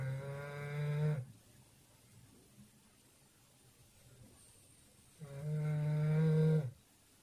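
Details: Doberman snoring while asleep: loud, deep, buzzing snores, each over a second long, separated by quiet pauses.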